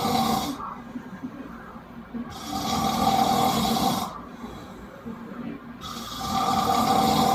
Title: Can’t sleep because of my bro snoring part 2